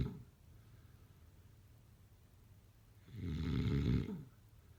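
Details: Snoring during sleep: a quieter exhale followed by a loud, rattling inspiratory snore.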